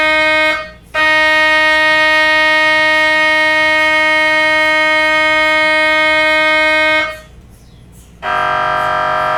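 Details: Loud, steady buzzing drone with short pauses, then a shift to a different pitch; normal MRI scanner operation.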